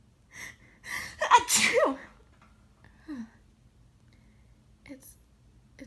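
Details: A gasping intake then a forceful sneeze, softer breaths and sniffs in a quiet room, during an 18-sneeze fit while reading aloud, on a day of almost nonstop sneezing; sneezing.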